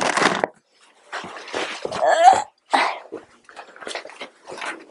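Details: A young girl with a cold, about to be given medicine: a run of short, harsh coughs, some with a brief voiced catch, in a small room.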